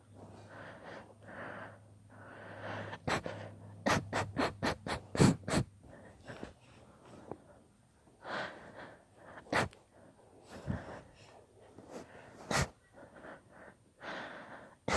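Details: A long, deliberately induced sneezing fit with repeated sharp, rapid sneezes and sniffing, breathy build-ups between them; sneezing fit.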